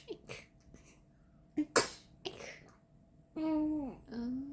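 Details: Three short, sharp sneezes in a row from a 53-day-old infant, followed by a brief cry-like vocal; ordinary infant sneezing.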